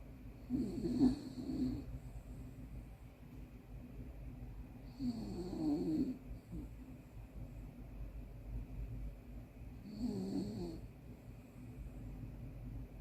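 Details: Miniature dachshund snoring loudly while asleep: soft, rhythmic rattling snores about every five seconds, roughly 12 breaths a minute.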